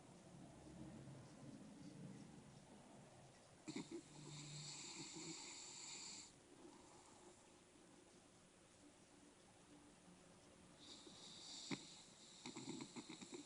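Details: Female bulldog asleep, snoring described as quiet and mild compared with her usual snoring; soft rattling, whistling breath sounds in a quiet room; snoring.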